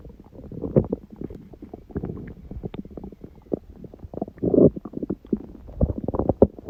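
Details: Stomach growling recorded at 1:30 am, about six hours after overeating udon, first gluten in a while: continuous gurgling, bubbling rumbles with irregular pops; ordinary bowel sounds during digestion.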